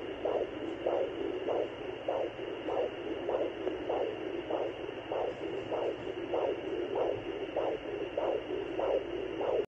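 Steady rhythmic whooshing pulse over the belly, about 98 per minute, under a constant hiss; a blood-flow pulse picked up by Doppler.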